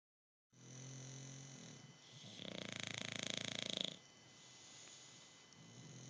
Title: Duelling snoring